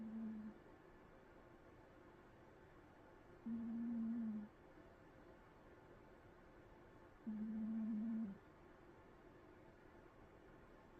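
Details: Sleeping cat snoring: soft, steady low hum with each breath, about 16 a minute, in a quiet room; snoring.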